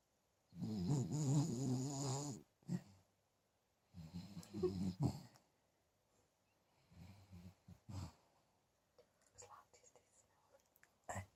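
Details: Sleeping puppy snoring "like an old man": loud, deep, rattling snores in irregular bursts with quieter snuffling breaths between.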